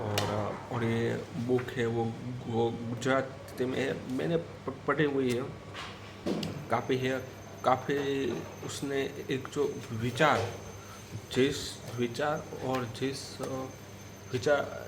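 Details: Stuttering with audible word repetitions in a man on day 84 of daily self-practice to control his stutter, during a storytelling exercise.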